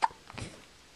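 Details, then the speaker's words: An infant with hiccups: a single brief, soft hiccup-like catch in the breath, followed by quiet. "Poor little guy, he's got the hiccups. Does this suck or what? You sound so cute though."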